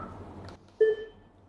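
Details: A faint click, then a single steady electronic beep as an automated external defibrillator is switched on during a CPR training demonstration.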